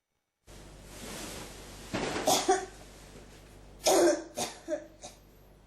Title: 咳が止まらない49 cough